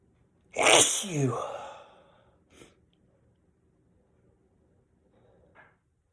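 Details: Sneezing fit the day after catching a cold on New Year's Eve: one loud, explosive sneeze with a breathy tail, then two faint sniffs or small after-sounds.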